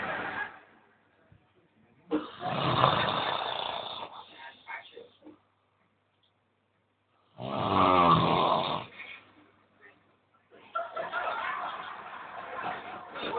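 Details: Extremely loud snoring from a sleeping man: rough, rattling snores every few seconds with quiet pauses between.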